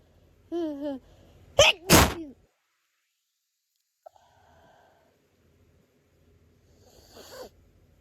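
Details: Two loud sneezes in quick succession after a short voiced inhale, then quiet sniffling, from an adult resting in bed with hay fever; allergic sneezing.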